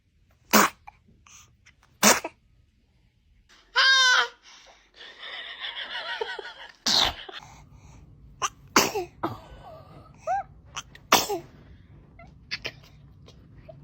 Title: Baby sneeze 😂😂 #babytok #funny #funnyvideos #babies #kids